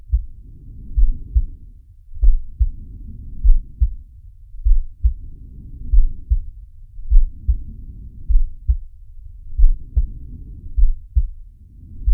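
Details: Heartbeat and breathing sound of the cartoon shark Sharko from the Zig and Sharko animated series: deep, regular heartbeat thumps under slow, soft breathing swells, about five breaths in twelve seconds.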